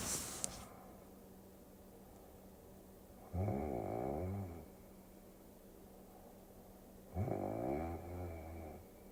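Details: Snoring during sleep, from a sleep-aid ASMR recording: two long, rattling inspiratory snores about four seconds apart, over quiet room noise.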